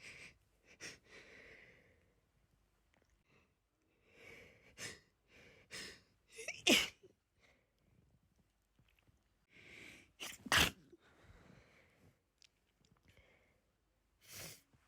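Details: Repeated sneezes after being outside all day, each preceded by catching, gasping in-breaths, with quiet pauses between bouts, plus nose blowing.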